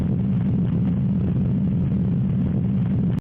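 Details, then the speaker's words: Patent ductus arteriosus: a steady, continuous, machinery-like low rumbling murmur without pauses at the left upper sternal border. "Patent ductus arteriosis."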